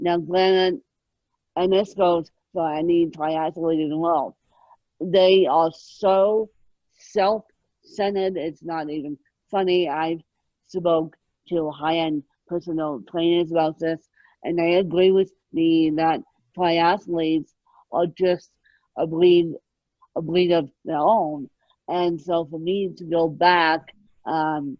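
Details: Adult woman born with moderate ataxic cerebral palsy, which she places mid-spectrum, needing 24-hour care; ataxic dysarthria.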